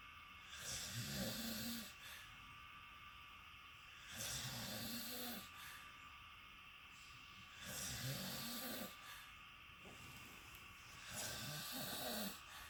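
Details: Travel companion snoring in a shared hotel room: four loud, rasping snores, one every three to four seconds, against steady room hum; heavy snoring.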